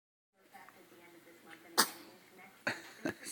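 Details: Small sneezes: quiet room with a few short, sharp puffing bursts, two close together near the end.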